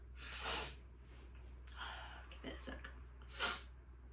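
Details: Person sneezing: several short, stifled sneeze bursts with sharp inhaled gasps between them over a low room hum, followed by complaints of dizziness; suppressed sneezing.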